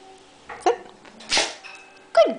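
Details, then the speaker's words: Female Springer spaniel giving a short, sharp nasal sneeze on verbal command, a learned trick rather than a sign of illness. "okay this is my girl and she sneezes on command"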